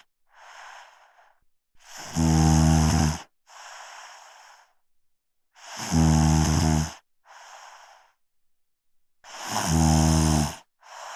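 Deep, loud vibrating snores on each inhalation with quieter exhalations between, around 16 breaths a minute: snoring.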